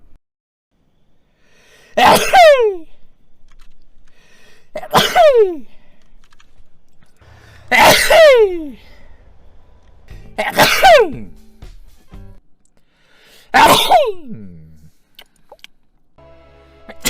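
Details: Five loud sneezes in a row, each a sharp voiced burst trailing downward, separated by quiet pauses, from a person who reports rhinitis; sneezing.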